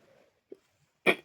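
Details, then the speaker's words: A single short, sharp cough after a brief quiet pause, with a faint throat sound before it, from an adult speaker who says they are slightly unwell and therefore coughing. "ಸ್ವಲ್ಪ ಅಂದರೆ ಸ್ವಲ್ಪ ಹುಷಾರಿಲ್ಲ, ಹಾಗಾಗಿ ಸ್ವಲ್ಪ ಕೆಮ್ಮು ಬರ್ತಾಯಿದೆ, voice ಕೇಳಿಸ್ತಾ ಇದೆ, ಸಾರಿ."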